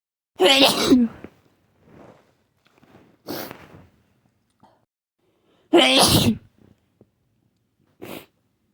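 Two loud, wet sneezes with a rising voiced lead-in, followed by sniffs and smaller sneezy bursts in a quiet room.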